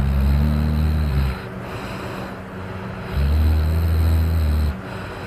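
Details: An adult snoring while drunk: loud, deep rumbling snores on two long inhalations with quieter pauses between; heavy snoring.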